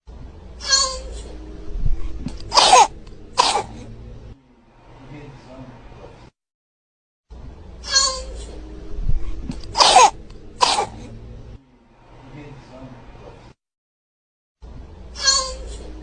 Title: This video get progressively mors annoying (coughing baby)